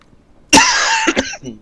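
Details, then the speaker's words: A single harsh, forceful cough followed by two shorter hacking coughs from a child who says he is coughing so much. "gonna cry because I can coughing so much"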